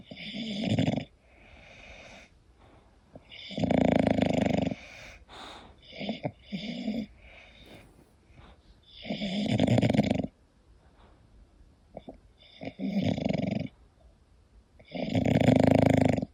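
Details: Sleeping English bulldog snoring: loud, harsh, snorting snores with short wheezy, whistly breaths between, about five main bursts in 16 seconds.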